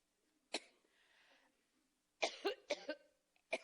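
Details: A woman overcome by a coughing fit while speaking during an Iowa campaign speech, asking for water and a lozenge.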